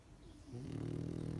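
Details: Snoring from a sleeping pug: a low, rattling buzz on each breath.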